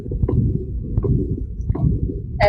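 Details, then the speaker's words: Loud, harsh whooshing covering the heart sounds at about 85 beats a minute, played as an abnormal heart sound example of a narrowed aortic valve; aortic stenosis murmur. "so stenosis is like a narrowing or it just doesn't work as well so you can see normally the aorded valve would look like this and then here you can see like it's got some parts that have shut over time"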